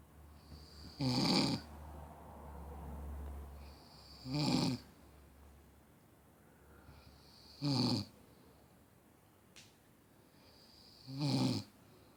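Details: Drunk person snoring: four loud, rattling snores at about 18 a minute, with quiet breathing between.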